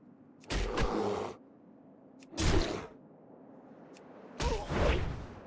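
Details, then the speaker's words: A sleeping cat snores heavily: three rough, fluttering breath sounds about every two seconds, roughly 30 breaths a minute. "I can hear the cat snoring behind me, and I have headphones on. Cat is snoring like crazy."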